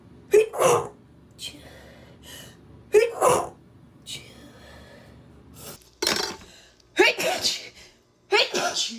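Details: Compilation of women sneezing: a run of about five sharp sneezes, early ones with a short in-breath before the burst; ordinary sneezing.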